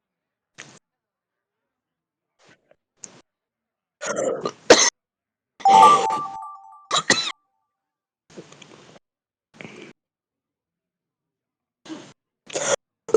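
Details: Several harsh, deep chesty cough bursts in short clusters from an adult heavy smoker, separated by quieter breaths and pauses; real smoker's cough.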